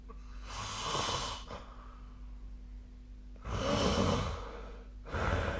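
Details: Snoring recorded during sleep with the SnoreLab app on 2025/01/15: noisy sleep breathing with rough, low rattling on the breaths, about 15 a minute over a steady background hum.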